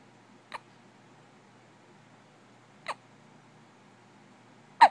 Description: Poor baby has the hiccups lol